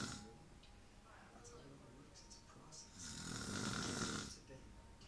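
Rough, noisy breathing sound builds to a loud rasping stretch near the end; snoring, with some room noise and faint talk.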